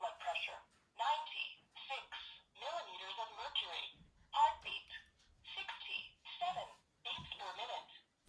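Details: Digital wrist blood pressure monitor (voice broadcast model) being demonstrated during unboxing: recorded synthetic voice phrases in a small room announcing the readings aloud.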